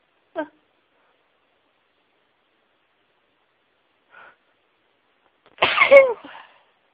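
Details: Faint catch of breath, brief pause, then one full explosive sneeze with a trailing vocal tail while trying to announce sneezes; ordinary sneeze.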